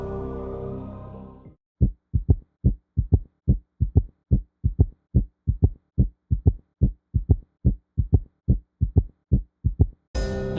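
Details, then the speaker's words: S3 heart sound, heart sounds from a self-test recording: regular heartbeat at about 72 a minute with a soft extra low thud after the second sound, an S3 gallop. "the most appropriate description here is the S3 heart [Music] sound"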